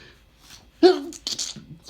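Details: An adult reading a light novel aloud before taking morning medication makes a sudden voiced sneeze with a sharp expulsive burst, then short breathy sounds: allergic sneezing.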